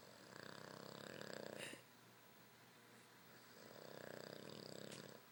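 Two long rattling snores on the in-breath, with a quiet pause between them, in a still room: ordinary snoring.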